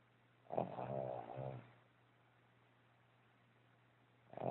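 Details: A single low, rattling snore on an inward breath, then the start of the next, in a quiet room; ordinary snoring.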